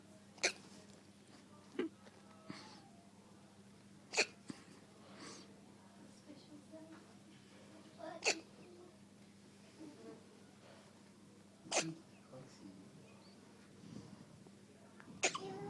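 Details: Baby girl's hiccups, soft and abrupt, about 17 a minute at slightly uneven intervals over a steady background hum: ordinary infant hiccups.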